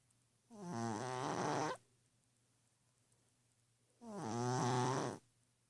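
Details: Orange cat asleep on a pillow, snoring loudly enough to keep someone awake: two drawn-out, buzzing snores about three seconds apart, with quiet pauses between.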